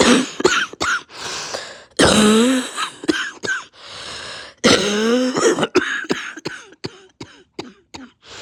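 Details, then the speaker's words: A person coughs, with laughter, throat clearing and snorting nearby; it is unclear whether this is an upper or lower respiratory cough. "Does this sound like a upper respiratory cough or a lower respiratory cough?"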